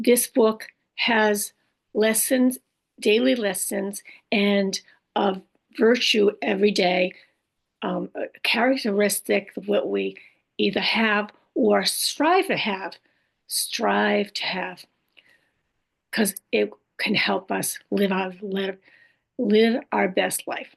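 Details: Adult woman after a stroke with aphasia, apraxia of speech and dysarthria; she says her speech can sometimes be hard to understand.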